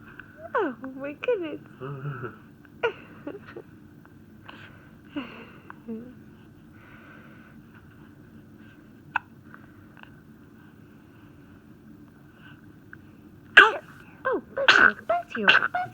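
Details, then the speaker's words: Child on their birthday with hiccups: brief, sharp, repeated hiccup sounds at irregular intervals, mixed with soft vocal sounds over quiet room background; hiccups. "are you mad at your hiccups you so mad at your hiccups braley you're so mad at your hiccups oh"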